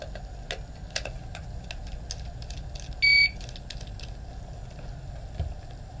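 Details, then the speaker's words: HeartMate II LVAD controller yellow wrench alarm, deliberately set for an EMS training demonstration; a single brief electronic tone over soft clicks and room noise, meaning the patient may need to change the controller. "this is what our yellow wrench alarm sounds like this could potentially be a situation where the patient needs to change their controller at home"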